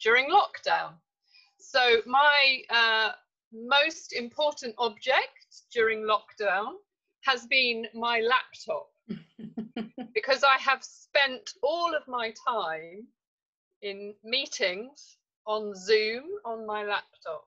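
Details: Adult woman speaking; normal speech.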